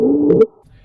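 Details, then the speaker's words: A brief, steady, fairly low-pitched continuous musical sound fading to quiet, played as a teaching example of stridor from tracheal airflow blockage such as obstruction or croup. "a Strider has a similar sound to wheezing and it's continuous but it usually occurs due to a blockage of airflow in the trachea like an obstruction or croup"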